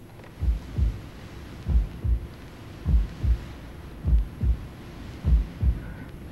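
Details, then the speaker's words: Own heartbeat recorded with a cassette-recorder microphone pressed gently on the chest about 10 cm left of the dent in the middle of the chest in a quiet room: soft, regular paired thuds about 50 a minute over low hiss. "press the microphone in gently and then switch the cassette recorder on and if you're in a very quiet room and you're very quiet yourself you may hear this"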